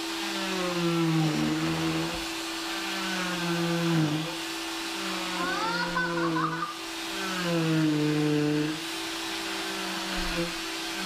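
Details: Cast saw removing a child's final leg cast: whining motor hum rising and falling in pitch as the blade cuts, with room noise.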